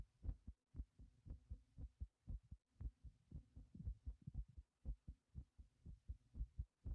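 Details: Heartbeat after exertion from lifting a heavy object: rapid, regular low thumping at about 118 beats per minute.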